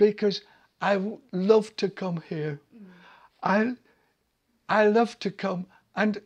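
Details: Adult man with aphasia who has attended an aphasia centre for several months; he could not speak at first and his speech gradually returned; aphasia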